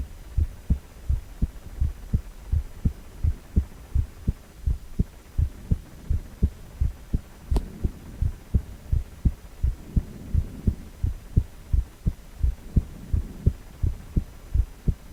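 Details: Male heart on ultrasound, 4-chamber view: steady, regular low thumping heartbeat about 85 beats a minute over a faint hum; normal heart rhythm.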